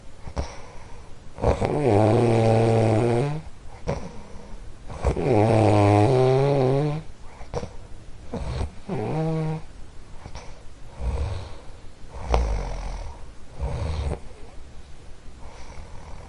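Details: A household snorer during sleep: rhythmic, throaty, partly voiced snores on each breath, about 17 a minute, fading toward the end.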